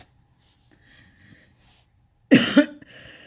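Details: Adult, ill and waking very woozy and light-headed with poor sleep: a single short cough in two quick bursts in a quiet room; a plain cough.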